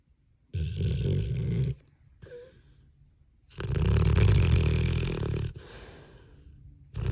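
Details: Long, loud, rattling low-pitched breaths separated by quieter exhalations in a small quiet room; snoring.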